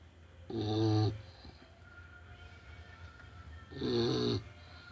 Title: Snoring